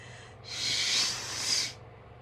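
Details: Person not allowed to blow their nose, in a clip of loud sneezes: a single harsh, hissing nasal rush of air lasting about a second; a forceful snort or stifled sneeze.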